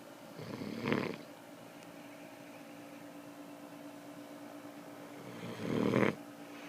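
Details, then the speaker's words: Man who insists he does not snore, recorded snoring in his sleep: two soft, rough snores about five seconds apart, roughly 12 a minute, over steady room noise. "Guess what? You snore. I ain't talking about just a little bit."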